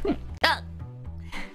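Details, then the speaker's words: Single brief, abrupt voiced gulp over background music during a livestream; a hiccup from a streamer who says she may have hiccups and her face is getting numb. "i am i may have hiccups there is no way i'm streaming valorent tomorrow i'll play with them but i don't know if i can stream it"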